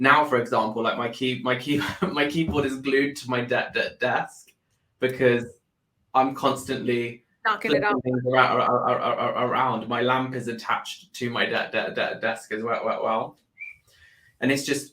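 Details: Adult man with Tourette syndrome that was not lifelong and with bad tic days; vocal tics with frequent word and sound repetitions and involuntary exclamations including swearing.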